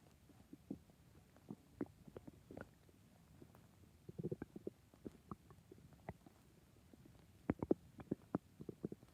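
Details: A person's own stomach growling loudly from hunger: soft, irregular gurgles and low rumbling, bubbling sounds in a quiet room.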